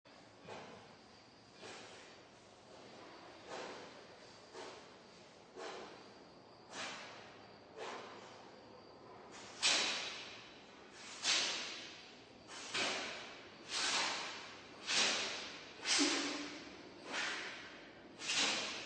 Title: Bless you! Panda caught on camera sneezing 11 times in a row